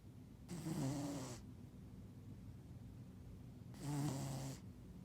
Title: Cutest cat snoring